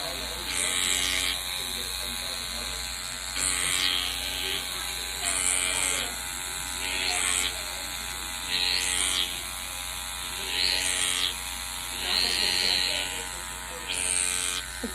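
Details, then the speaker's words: Microneedling pen used on numbed facial skin during a microneedling with PRP treatment (vampire facial); the patient reports no pain. High-pitched buzzing whine rising in bursts about every two seconds over a low hum. "like I'm so numb I can't even feel anything it's really not painful oh that's a little machine"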